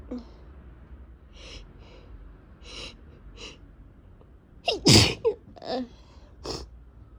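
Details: Sniffing breaths build to a loud sneeze, then smaller sneezes and sniffs: a sneezing fit from a cold after travel, with a super runny, irritated nose.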